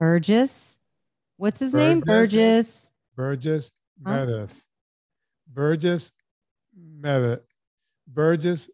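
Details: Real adult man with a longstanding speech impediment that persists into adulthood, with his tongue protruding and misplaced on the th sound and certain words still difficult; speech sound (articulation) disorder.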